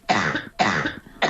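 Two harsh, rough coughs in quick succession, then the start of a third, from an adult in hospital with COVID-19.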